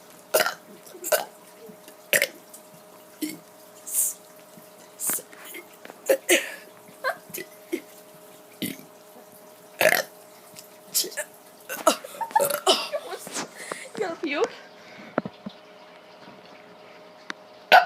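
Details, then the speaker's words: Kid deliberately burping after eating KFC, stomach hurting, reporting very wet burps, about fifteen short belches in quick succession; burping. "me okay so for some reason i'm having really really wet burps today"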